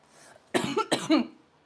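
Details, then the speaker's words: Cough after taking a cannabis hit from a gravity bong, described as sounding like exorcising a demon. "I'd rather cough than be sick from liquor. Me, as I sound like I'm exercising a demon."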